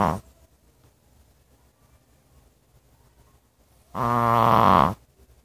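A single loud, rough, buzzing snore after a quiet pause, with a brief snort at the start; dog snoring.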